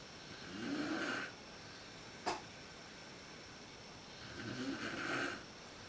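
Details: Mother snoring in the dark at night, worst at the start of sleep, recorded on a PowerShot SX130 IS camera: two drawn-out snores about four seconds apart with a brief snort between, over room hiss; snoring.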